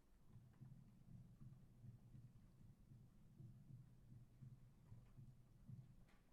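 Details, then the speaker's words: Stethoscope heart sound recording after low-pass filtering: muffled, deep heartbeat thumps repeating steadily, with most higher-pitched background noise removed, prepared for CNN analysis. "so we've managed to totally cut majority of the background noise and the heartbeat sound is quite clear"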